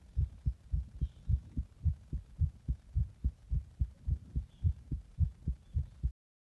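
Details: Heart after drinking a Monster energy drink in the bath and applying compression: fast, regular paired low thumps at about 107 beats a minute, a rapid heartbeat.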